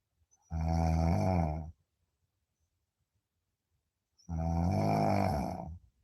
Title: Deep sleep 😴 sound on 😅 snoring 🤣 #deepsleep #snoring #sleeping